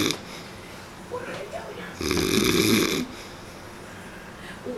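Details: One loud, rough, rattling snore on the in-breath between quieter breaths; snoring.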